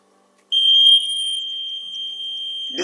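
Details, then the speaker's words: Invacare Perfect oxygen concentrator at maximum flow, high-pressure alarm test: high pressure is simulated by disconnecting the four-way solenoid valve power, the compressor shuts down, and a sudden continuous high-pitched alarm tone sounds. "This will cause pressure build up in lines before the seal beds or the compressor. Under these conditions, the compressor was automatically shut down."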